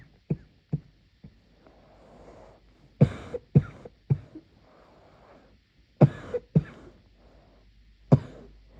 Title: muffled night coughing fit